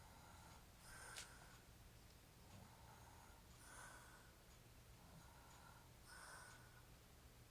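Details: Adult man, described as drunk and hairy-chested, snoring in sleep: soft regular noisy breaths about 23 a minute with a faint rasp on each, against low room hum.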